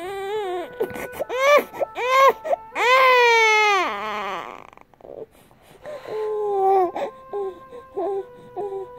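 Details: Two-and-a-half-month-old baby boy held by his father in a cozy robe, sucking his finger, briefly waking with soft whimpering cries before drifting to sleep, lullaby music behind; infant cry.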